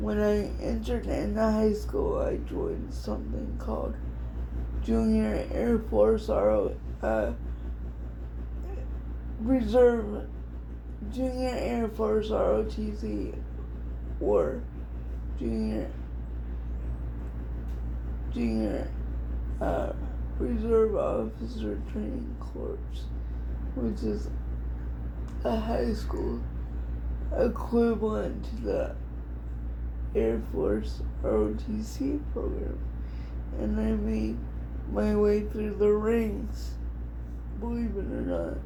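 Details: Adult woman with cerebral palsy diagnosed at 6 months old, which she thinks is level 4 or 5; it affects her whole body, including her speech (somewhat) and hands; she also has dystonia; dysarthria (cerebral palsy).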